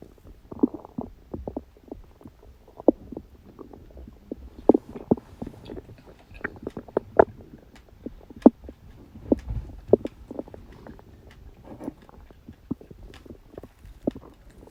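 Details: Stomach growling recorded on a birthday after eating cake: frequent gurgling, bubbling pops and short rumbles from the belly, ordinary borborygmi.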